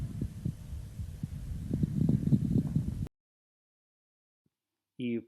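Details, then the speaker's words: Moist rales on lung auscultation with a stethoscope, of the medium- and coarse-bubbling type that can occur with fluid in large cavities connected to a bronchus, such as abscess or tuberculous cavity: bubbling, popping crackles. "как правило такое бывает при абсцессе и туберкулезной каверны давайте послушаем как звучат влажные хрипы"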